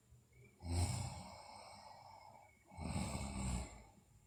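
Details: Sleeping girl snoring, with two slow, rough, low breaths each carrying a snoring rasp in a quiet room; recording also features bruxism and delirious sleep talk.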